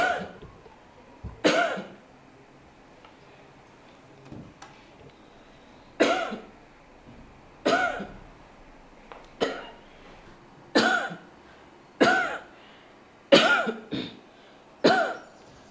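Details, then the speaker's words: Ten sharp, separate voluntary coughs from an adult woman, asked to cough 10 times at a steady pace in a quiet room, recorded for an AI smartphone tuberculosis cough-detection app trial in Nairobi, Kenya. "what it does is it tries to analyze the coughs we call them cough spectrograms and then it regresses them so it's a mathematical way of modeling the C image to determine whether there's a difference between someone with TB when they cough and someone without TB when they cough"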